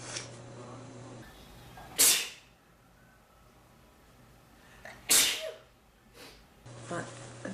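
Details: Male sneezing: two loud, explosive sneezes, each preceded by a quick intake of breath, in a quiet room.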